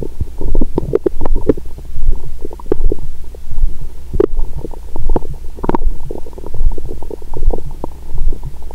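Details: Adult woman's abdomen via stethoscope after a heavy Christmas dinner and wine following a 22-hour fast; long recording of noisy gurgling digestion; active bowel sounds.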